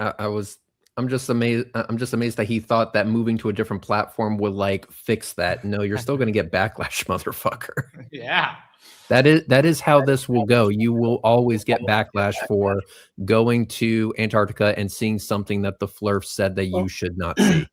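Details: Adult male speaker; normal voice.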